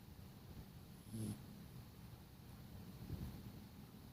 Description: Snoring sleeping dog. Listen carefully.